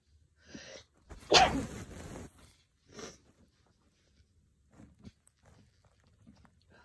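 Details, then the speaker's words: Sneezes brought on with chhinkni by a person who has had a cold for a couple of days: a loud explosive sneeze, then a smaller sneeze-like burst and quiet breathing. "I actually did this last night and I sneezed once. But it did clear me out."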